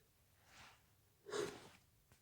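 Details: A soft inhaled build-up followed by a single sneeze muffled on purpose, coming suddenly during a late-night sneezing attack in a quiet room; sneezing.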